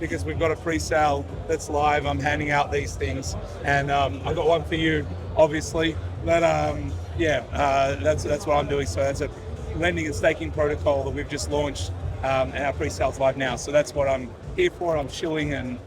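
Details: Adult male speaker; normal voice.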